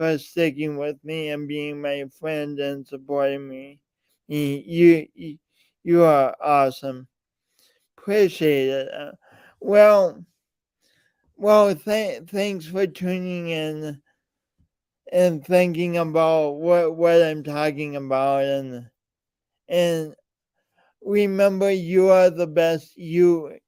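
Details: Man with a speech impediment present since birth, along with lifelong coordination issues; speech impediment.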